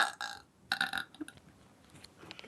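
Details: Deliberate burping during a burping contest among friends: two loud, rough belches in a row, then quiet room noise.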